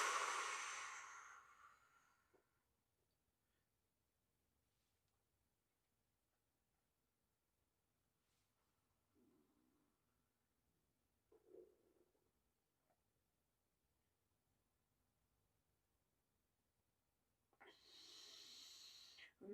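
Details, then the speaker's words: Mild stomach growling in a slightly hungry adult doing stomach vacuum exercises: a forceful exhale, then two brief, faint low gurgles, and a deep inhale. "You can hear my stomach growling because it's getting a little bit of stimulation, and I'm slightly hungry."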